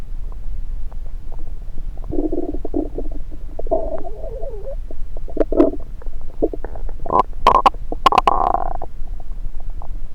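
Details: Bowel sounds (borborygmi) recorded with a stethoscope placed on multiple parts of an adult's own belly.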